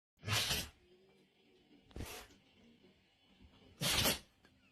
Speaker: Oh my goodness, what a big sneeze.